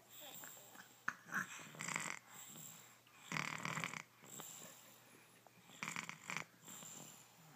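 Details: Dog snoring during an afternoon nap: repeated wheezy, raspy snoring breaths, about four cycles in under eight seconds.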